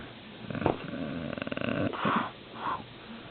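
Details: Dad snoring, keeping mom awake: loud rattling, fluttering snore on one breath in, followed by short wheezy snorts.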